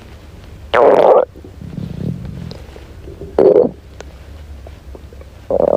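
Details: Hungry girl's stomach growling: loud gurgling and groaning rumbles in bursts with softer rolling gurgles between; ordinary hunger borborygmi.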